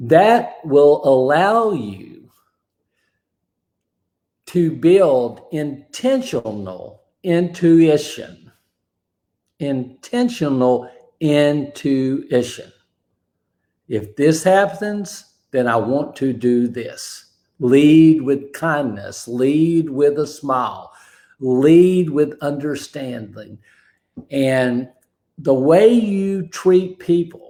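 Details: Aphasia after a stroke, described as an invisible disability; his ability to talk was affected that day; hesitations and garbled phrasing.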